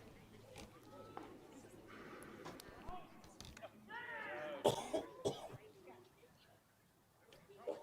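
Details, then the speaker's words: About three sharp, dry coughs from an adult commentator, recently found allergic to grass (Bermuda and rye), with outdoor ambience and faint chirping. "If any of you can hear me coughing in the background, sorry about that. I've been struggling a bit and you won't believe this, but they found out earlier this week that I'm allergic to grass"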